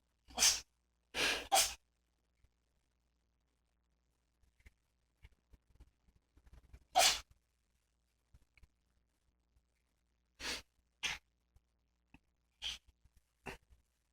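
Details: 13-year-old senile cat having a recurrent sneezing fit: about eight sharp, hissing sneezes in bursts with quiet snuffles between them.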